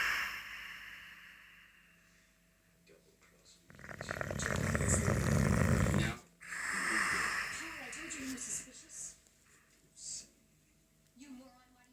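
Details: Boxer dog sleeping and snoring: a loud rattling snore in a quiet stretch, then softer snorting breaths.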